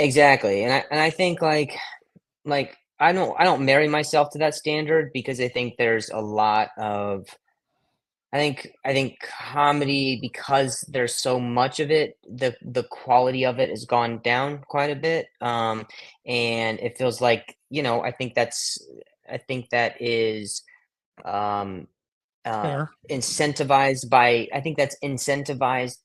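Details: Adult male with acquired stuttering, onset at age 20 after a softball hit his throat, causing vocal contusion and traumatic brain injury; blips, repetitions and blocks in conversation; stuttering.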